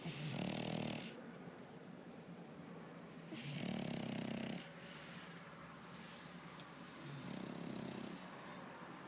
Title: Cheese the FrenchBulldog snoring